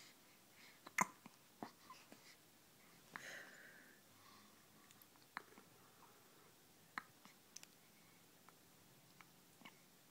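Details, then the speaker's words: Baby with hiccups: hiccup sounds. "so much for the cute stuff yeah everyone's going to love to see this got the hiccups save for posterity"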